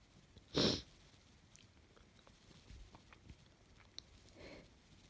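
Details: Sneeze during a sneezing fit with a snotty cold: one short, sharp, explosive sneeze, then quiet room noise and faint sniffing.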